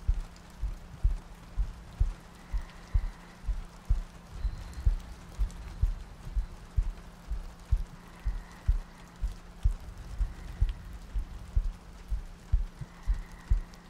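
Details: Soft, regular low heartbeat thumps at about 62 a minute beneath a steady hum and faint rain, from a looped ASMR sleep-aid recording with soft breathing and rain ambience.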